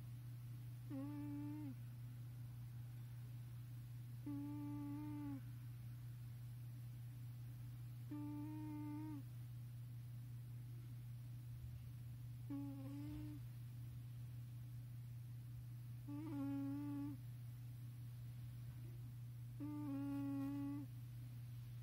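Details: A pet with a slightly tight nasal passage, which does not bother her, snoring: regular short nasal whistling snores about every 3.7 seconds over a steady low room hum.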